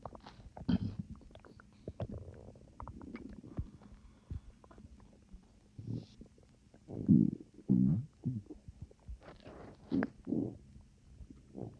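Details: Calm, fairly quiet, intermittent low gurgling rumbles and squelches from the stomach, possibly from swallowed air, with quiet burps: borborygmi.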